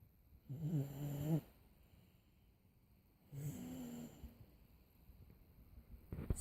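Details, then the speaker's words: 17-month-old boy asleep, with two low, rumbling snores on inhalation separated by quiet pauses; ordinary snoring. "boy. He's gonna snore like Grandpa."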